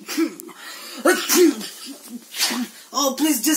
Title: Different Types Of Sneezes.